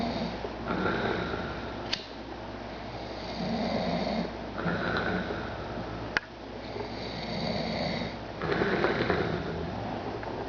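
Steady, rough snoring with about four breath cycles in ten seconds, roughly 20 a minute, in a quiet room.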